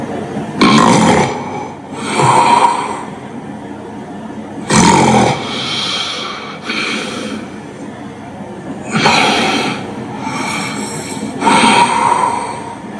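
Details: Loud, rough snoring breaths with snorting gasps return after an apnea pause in a sleeper recorded by a phone sleep-tracker app, erratic snoring after a hypopnea; resumption of breathing after sleep apnea.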